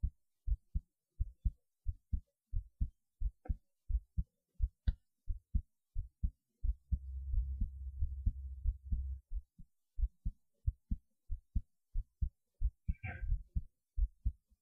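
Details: A person's heartbeat recorded just after standing on their head: regular low thumps at roughly 88 beats a minute, with a stretch of rubbing noise partway through; an ordinary heartbeat.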